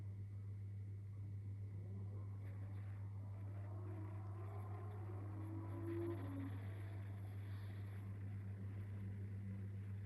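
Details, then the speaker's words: Steady low motor hum of a digital home blood pressure monitor's arm cuff inflating and measuring, adult seated with arm resting relaxed on a table, over faint room noise; automatic blood pressure monitor inflating. "Then you can switch on the machine. Let's see if it's going to work for me. Just switch on the machine. You hear this sound."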